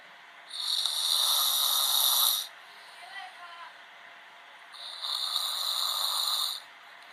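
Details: Man snoring in a TV drama (Law and Order season 11): two long, hissing, airy breaths with a short pause between, in a sleeper's rhythm.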